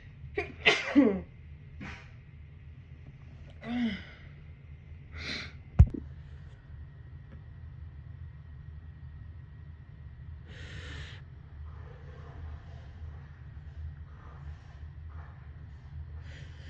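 Several short sneezes with inhaled catches between them, over a steady low room hum; sneezing from a cold.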